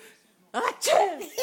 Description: My little son (just above 1 year old) just realised how funny can be a fake sneeze